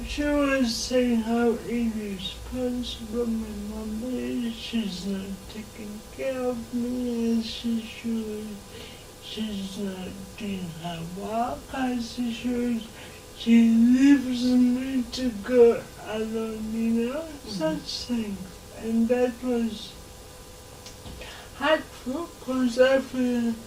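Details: Dysarthria in an adult woman with lifelong cerebral palsy affecting her speech.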